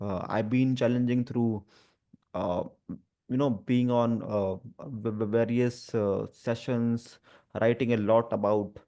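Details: Adult who stammers (stutters) and is a disability advocate, with stuttering reported especially on the "through" sound and on his own name; stuttering.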